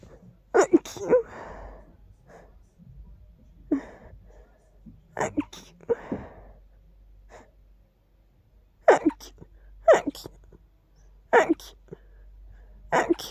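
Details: Run of about eight sharp sneezes with quick breaths between, in a quiet room, blamed on dust again: repeated itchy sneezing.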